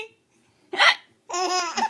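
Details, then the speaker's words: Mother's hiccups: a sudden sharp catch of breath, followed by a child's voiced laugh-like sound as the child laughs at them; hiccups. "why you laughing at hiccups"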